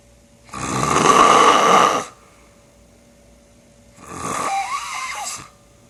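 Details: Adult man asleep, two loud rattling snores a few seconds apart, the second weaker with a snorting edge; he snores loudly enough to wake himself, and the recorder suspects borderline sleep apnea.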